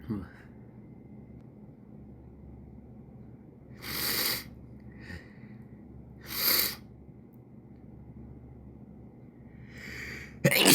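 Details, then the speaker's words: Person coaxing out summer sneezes: two soft breathy sneeze bursts with a sniffle between and a third starting at the end, over faint room hum; ordinary sneezes. "Oh, fuck. Oh my god. Half a sneeze. Come on. Right there."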